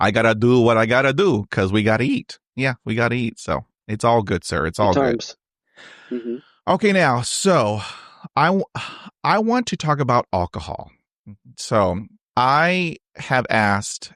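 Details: Adult male who has stuttered since age 5, with on-and-off speech therapy from grade school through college, including therapy in his 20s, and self-esteem struggles due to stuttering; real, unscripted conversational speech showing stuttering.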